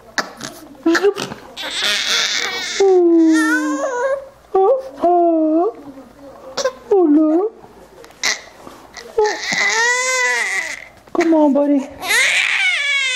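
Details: 6-week-old baby boy crying right after a bout of hiccups: high, wavering infant wails and fussing in bursts, broken by short pauses, in a small room.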